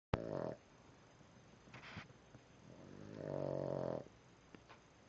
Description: Boston Terrier snoring